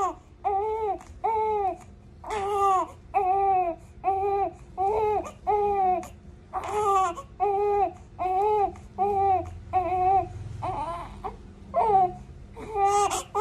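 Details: Rhythmic, loud newborn cries in repeated bursts with brief breaths between: a vigorous infant crying during an expanded newborn screening blood test for congenital metabolic disorders.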